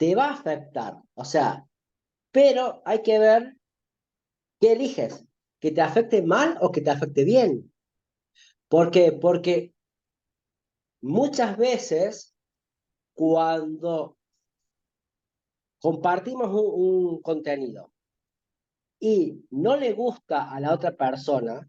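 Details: Adult man who says he stutters, in spontaneous conversational Spanish; stuttering.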